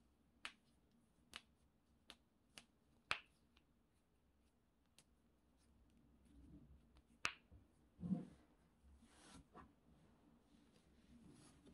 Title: Full body cracking (back, knuckles, neck, toes) part 2